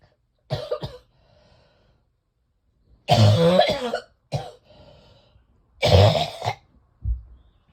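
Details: Person with severe chest congestion, chest feeling like cement, coughing repeatedly: several harsh, deep coughing bursts in clusters, congested and chesty; wet cough.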